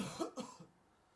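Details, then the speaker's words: Single deliberate voluntary cough from an adult student on cue in a droplet-imaging experiment, two quick bursts fading within about half a second. "laser on, coughing in 3, 2, 1, go. We start the camera just before the student is coughing, and we record over 2.5 seconds."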